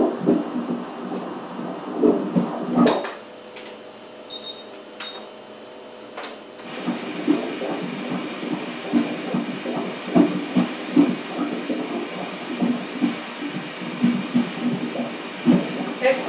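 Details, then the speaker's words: Rapid, rhythmic whooshing pulses of a single fetal heartbeat on Doppler ultrasound during a prenatal scan of a male fetus, with some room noise; heartbeat is normal. "One heartbeat. Heartbeat is normal."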